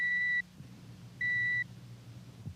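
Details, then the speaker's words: Two steady pure-tone audiometer test tones through earphones in a dramatized 1950s TV hearing test by an otologist; the patient raises his right index finger at each tone as the decibel level is lowered until he fails to respond. "A sample tone is given him like this. The patient is then asked to raise his right index finger each time he hears the tone."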